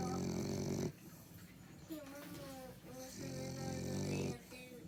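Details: French bulldog snoring while seemingly half awake with eyes opening: loud rough snoring breaths with quieter gaps between them.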